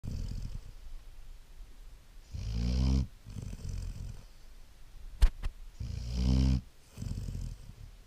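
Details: Sleeping Great Dane puppy snoring: deep, rumbling snores on each breath, with softer noisy breathing between and a brief sharp click in the room; snoring.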